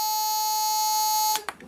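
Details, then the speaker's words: Dräger PM 8030 anesthesia monitor, an old second-hand unit suspected of a reboot loop from a dead timekeeper RAM battery, alarming at power-on: a steady piercing electronic alarm tone that cuts off, then a couple of clicks. "I did not connect it yet to remains long apparently it will scream when I press bees power button"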